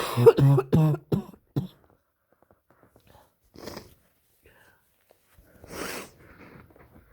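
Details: Cough in an adult kindergarten worker with their worst cold so far, which began with a scratchy throat and headache: a run of short voiced coughs, then quieter breathy sounds and a sniff-like burst.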